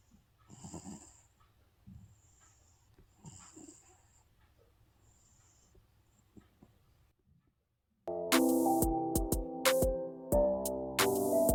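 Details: Quiet, soft snoring breaths from a sleeping cat, likened to a dad's snoring, followed by loud music.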